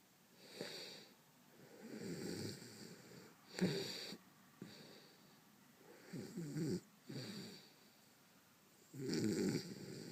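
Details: Man snoring: irregular, rough snoring noises on breathing, some with a snorting edge, about 20 a minute in a quiet room.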